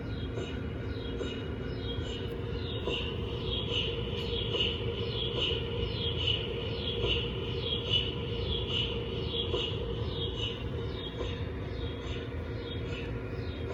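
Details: GE 1.5 Tesla MRI scanner running daily QA scans, heard from the technologist's side: loud steady drone with rhythmic high chirping about once a second from the helium recondenser.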